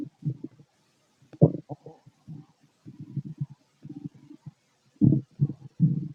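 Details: Low gurgling, bubbling rumbles in irregular bursts with short quiet gaps from an adult male's stomach while digesting food: bowel sounds (borborygmi).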